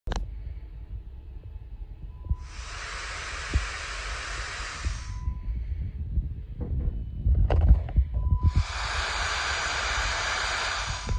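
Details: RespiraWorks ventilator proportional solenoid valve actuating proportionally: mechanical clicking and low hum with bursts of hissing airflow as the valve opens and closes.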